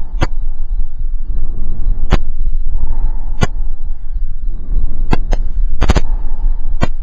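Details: Stethoscope auscultation over lung fields during a pulmonary exam; soft rising and falling breath noise with sharp handling clicks; normal breath sounds.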